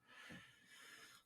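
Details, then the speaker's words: Wheezing in an older pet dog lately having some issues; quiet, noisy, snorting breaths with a hissing, wheezy edge to the airflow. "that's my dog Mary Jane she's wheezing she's uh she's having some issues lately she's a little older"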